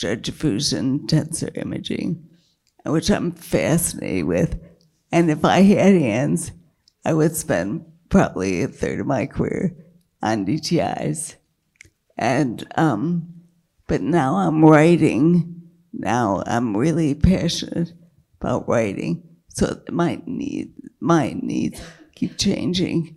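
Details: Dysphonia with a weak, creaky voice in a woman with multiple sclerosis whose failing diaphragm makes keeping her voice a struggle; she earlier lost speech totally from a brain lesion, had brain surgery, and slowly regained speech and word-finding.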